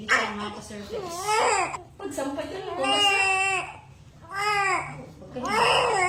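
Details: Loud, vigorous bursts of newborn crying with rising and falling pitch in a small room; a normal, healthy cry from a 3.4 kg baby girl just after a fast normal vaginal delivery.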